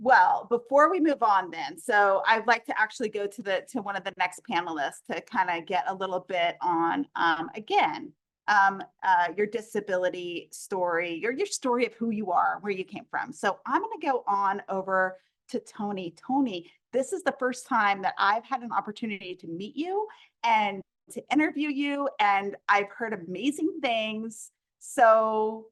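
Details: Adult woman speaking; normal speech.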